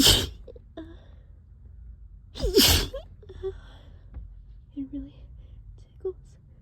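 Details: Allergic sneezing fit while cleaning the trap, which always makes the person sneezy: two loud, wet sneezes with quiet murmured words between them. The sneezing continues, described as wet and strong, and it hurts the throat.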